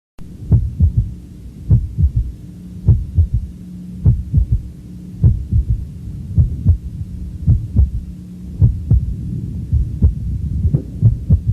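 Slow, regular heartbeat with an extra soft low thud after the second sound, giving a galloping third heart sound.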